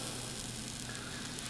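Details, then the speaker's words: Steady hissing sizzle of liquid nitrogen applied to a child's wart present almost a year, after numbing cream, freezing a rim of normal tissue; cryotherapy spray. "we get our liquid nitrogen and I don't know if the view viewers can hear the sizzle yeah wow does that hurt"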